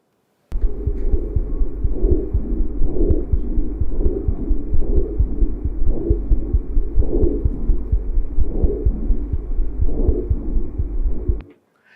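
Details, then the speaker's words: Dog auscultated with a stethoscope at the thoracic inlet: soft, regular, normal bronchovesicular breath sounds (a mix of bronchial and vesicular) with heartbeats thumping in the background. "We can hear the so-called bronco vsticular sound which is a mixture of bronchio sound and vicular sound. That's definitely easier to oscultate."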